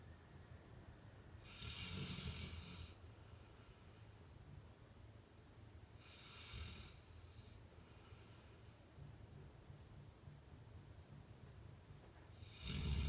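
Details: Sleeping Labrador snoring: slow, low rattling snores with hissy breath noise, about three breaths in thirteen seconds, quiet room.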